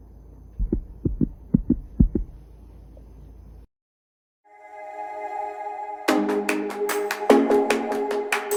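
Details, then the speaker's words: Normal heart sounds by stethoscope at the mitral focus, fifth intercostal space on the left, just below the tricuspid focus, during a cardiology lab auscultation practice. "por último vamos a localizar lo que es el foco mitral este se encuentra ubicado en el quinto espacio intercostal con lina para escenario izquierda"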